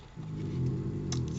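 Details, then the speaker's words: Female dog snoring while asleep, tired after playing outdoors and a walk in the woods; owner says she snores a lot. A low, steady rumbling breath; harmless snoring. "Et je vous dis, elle ronfle beaucoup."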